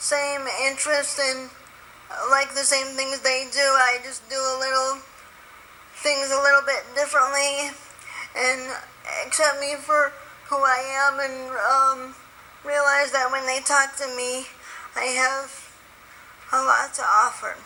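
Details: Spastic dysarthria in an adult woman with spastic quadriplegic cerebral palsy from birth after being born 3 months premature at 1 lb 14 oz; very tight muscles; wheelchair user.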